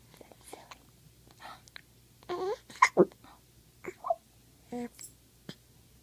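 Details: Infant with hiccups: short, abrupt catching sounds at irregular intervals mixed with soft fussy vocal noises.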